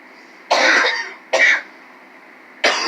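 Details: Three abrupt, harsh coughs or throat clears about a second apart, the first longest, in a quiet room.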